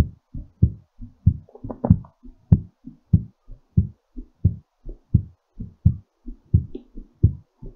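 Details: Strong, clear lub-dub heartbeats at about 95 a minute, brisk but normal; a normal heartbeat during recovery after exercise.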